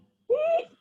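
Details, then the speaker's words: A single brief, high-pitched, slightly musical inspiratory sound imitating the stridor of laryngomalacia in infants, which worsens with agitation, crying, feeding and lying supine; imitated inspiratory stridor. "Nah, pada saat inspirasi bisa di dengar ada eee high pitch high pitch stridor ya, jadi ada slightly musical karakteristik pada stridor di laringomalasia."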